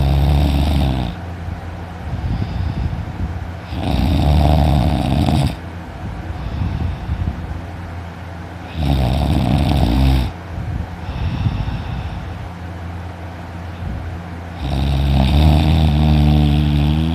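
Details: Snoring loudly while sleeping in, waking with a sore throat: loud, rattling snores with each breath in, quieter breaths out between them, about four breaths a minute.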